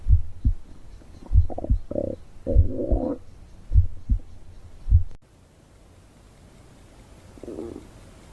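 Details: An adult woman who says she is hungry; her stomach growls in several low gurgling rumbles in short bursts, then fades to quiet. Ordinary hunger borborygmi.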